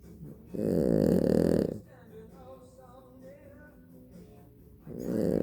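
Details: A very tired little boy asleep, with loud, buzzing snores on the breath in separated by a quiet pause, and soft music in the background; snoring.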